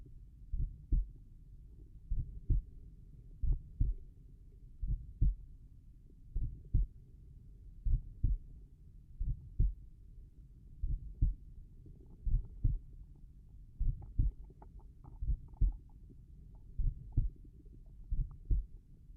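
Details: Slow, regular normal heart sounds at the tricuspid area, about 43 beats a minute, with clear paired lub-dub sounds and no added noises.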